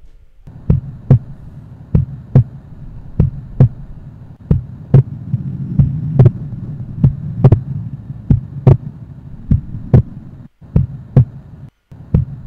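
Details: Split second heart sound.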